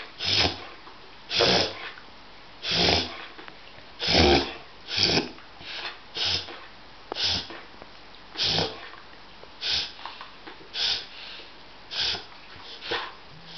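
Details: A dog makes a run of loud, harsh snorting inhalations: a reverse sneezing episode that distresses her, though she wags her tail when stroked.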